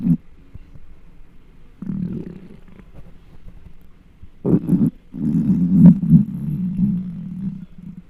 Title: 10 Minutes of a Giant's Extremely Hungry Stomach Noises (mic up)